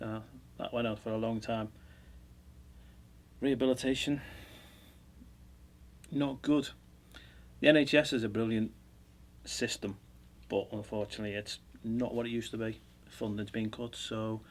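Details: Adult man; unaffected speech.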